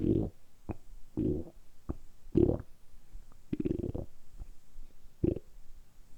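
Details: Deliberately produced stomach rumbling (borborygmi), kept up continuously for about 10 minutes in a close-up ASMR recording. Repeated deep gurgling rumbles and pops, about 50 a minute, loud but normal.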